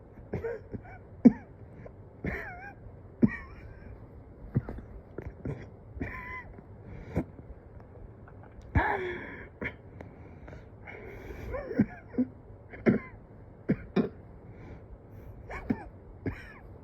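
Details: Repeated short, dry coughs and throat clearing with gasping breaths between them in a quiet room, from a person who has struggled for days to take deep breaths though their oxygen looks almost decent; cough with shortness of breath.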